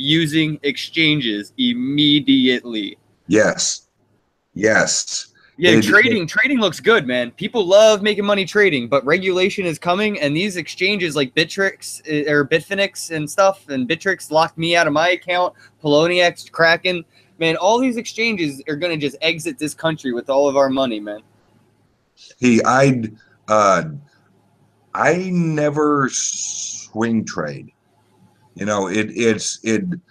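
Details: Male podcast guest's self-reported speech impediment, type not named; disfluent speech heard. Finding: speech impediment (disfluency).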